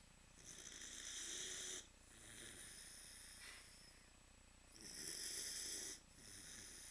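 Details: A sleeping Northern Inuit dog gives two loud, airy, rasping snores on the in-breath, about four seconds apart, with softer out-breaths between: snoring.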